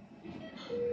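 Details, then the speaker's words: A ventilator being switched on at its on/off switch; startup takes about a minute, with parameters preset for a 60 kg male, before connection to an endotracheal tube. "On off switch यहाँ है. On हो रहा है, एक minute का समय लेता है."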